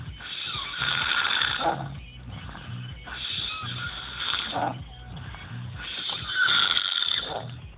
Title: snoring.